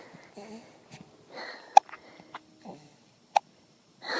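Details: Baby boy on an afternoon walk: two sharp, brief hiccups about a second and a half apart, with soft infant sounds.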